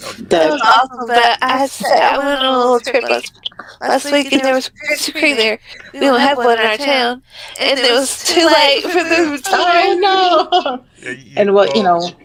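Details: Woman with multiple system atrophy diagnosed in 2021, with audible tremor in her voice and a voice-box scope the day before; voice tremor.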